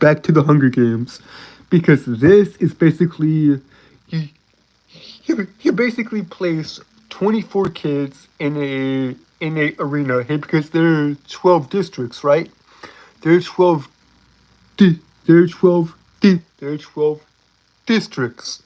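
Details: Adult male streamer with a self-reported speech impediment, a stutter, which he says cannot be helped: stuttering.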